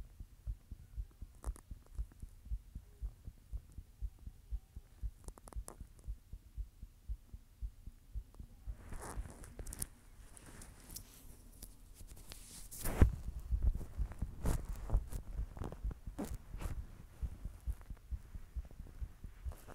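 Regular low thumping heartbeat, roughly 60 beats a minute in paired sounds, with rustling handling noise midway.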